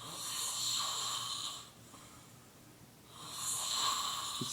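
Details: Sleeping man snoring, recorded by roommate over about 20 minutes: two long, hissing, whistly snores separated by a quiet pause, with faint room noise.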